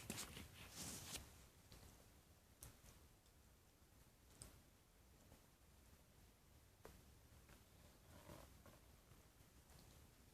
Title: my stomach is making noises at 420